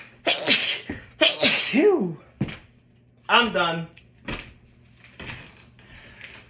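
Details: Person sneezing at work without a mask: several loud, explosive sneezes in quick succession with voiced outbursts between them, in a small room, amid laughter.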